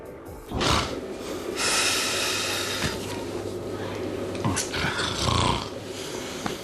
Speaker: Muchas personas son incapaces de dormir por culpa de los ronquidos de su compañero de cama.